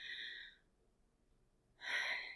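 One audible breath in, a pause, then a louder breath out, demonstrated deliberately: a single normal respiration, one inhalation and one exhalation.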